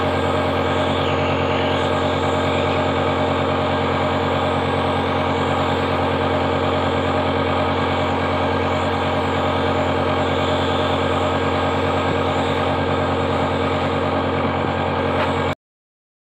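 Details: Home nebulizer compressor used to give steam to young children with cold and cough; loud steady mechanical hum and rapid buzzing, running continuously.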